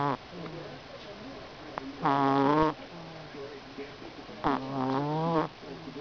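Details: Rescue Persian cat snoring while dreaming: two loud, drawn-out buzzing snores about two seconds apart, with quieter breathing between.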